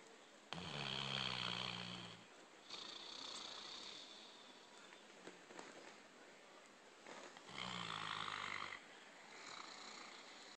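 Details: Loud, rattling, buzzy snoring inhalations about six seconds apart, with quieter hissing exhalations between them.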